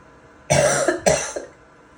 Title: Some wet and barking coughing